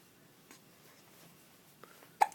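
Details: Little boy with hiccups while talking: a faint catch, then a sharp, voiced 'hic' in a quiet room.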